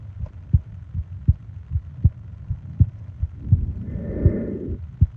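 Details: ASMR sleep-aid recording of heart and breathing sounds: steady low heart thumps at about 80 per minute, with a soft breath sound near the end; a heartbeat.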